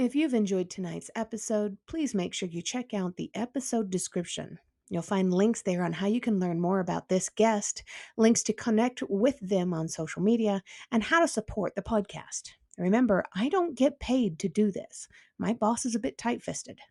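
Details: Adult speaker; normal speech.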